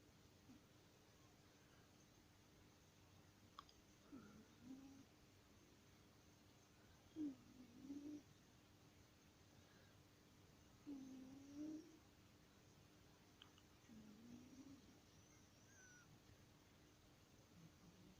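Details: Sleeping cat in a quiet room gives faint, soft snores, about four over eighteen seconds; snoring.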